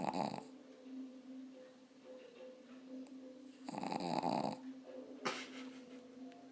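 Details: Sleeping pug named Lola, tired, snoring: a steady, low, buzzing hum broken by a few louder rattling, snorting breaths; dog snoring.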